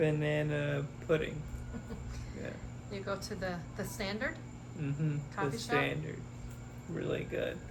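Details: Adult conversation, mainly the interviewer; no speech disorder.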